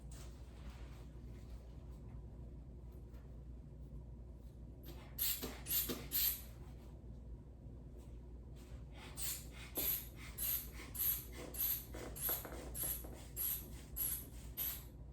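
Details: Rhythmic hissing puffs of a hand bulb pumping up a manual blood pressure cuff on an adult male patient standing with a walker, orthostatic vitals check; reading 108/74.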